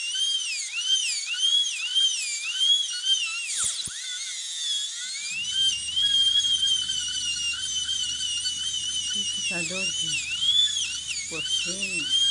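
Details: High, shrill, wavering whine with brief dips in pitch and faint background voices: a dental handpiece grinding and cleaning a plastic (plexi) denture being repaired.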